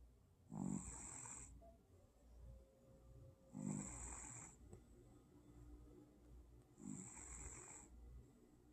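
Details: Old cat snoring while asleep: slow, regular snores, each a low rumble with a whistling edge, about 20 a minute.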